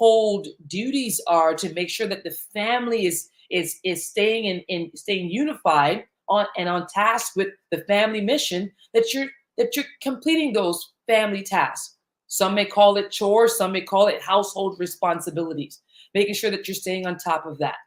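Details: Stuttering in a woman whose stutter began in childhood, around age eight, during a long period of fear and anxiety; repetitions are heard.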